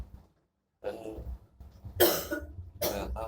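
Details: Several harsh, hacking coughs with throat-clearing in a quiet room from a sick pet that also has nausea, vomiting and shortness of breath; the owner mentions breathing trouble like a blockage.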